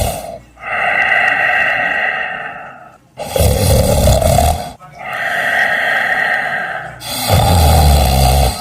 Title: #cat#two fat cats snoring